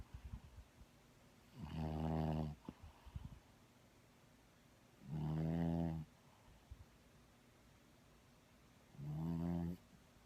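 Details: Animal snoring during sleep: three loud, buzzing snores on the in-breath, about 17 a minute, with quiet exhalations between.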